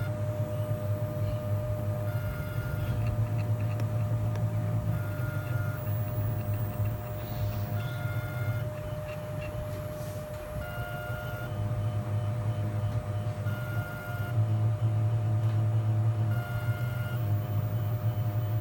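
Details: Prototype surgical drill boring through pig ear tissue: a steady low motor hum with a repeating tonal whine and a brief dip mid-clip.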